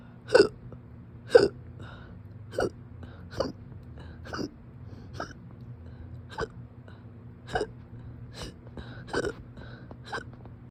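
Sharp, brief hiccup sounds recur about once a second, roughly ten in the stretch, against a low steady hum; ongoing hiccups.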